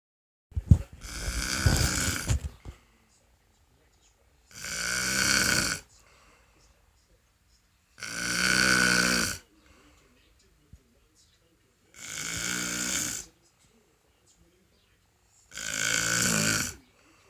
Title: snoring and P whoring